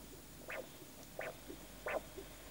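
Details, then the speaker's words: Simple Doppler ultrasound probe with gel, aligned along a blood vessel, gives an arterial flow signal: regular pulsed whooshes, about 85 a minute, one for each heartbeat. "It's a whooshing sound. Whooshing sound. And there's one whoosh for each of your heartbeats."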